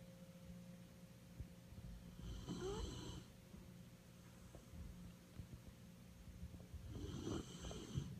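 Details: Sleeping dog snoring like a human: two slow, rough snoring breaths with a whistling edge, separated by quieter breathing, over steady low room hum.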